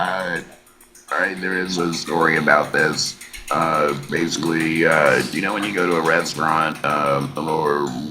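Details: Laryngectomee man speaking with an electrolarynx: electrolarynx speech.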